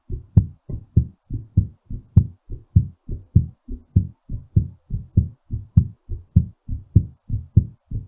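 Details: Fast, regular heartbeat at about 100 beats a minute, each beat a strong low thump, recorded during recovery after exercise; rapid heartbeat after exercise.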